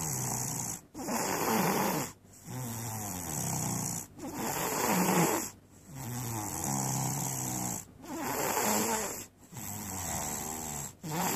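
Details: A person snoring during sleep, in a recording dated 2013-04-29.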